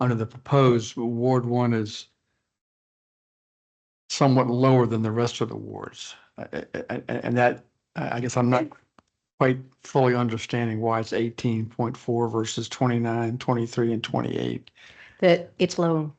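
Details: Adult speaker; normal voice.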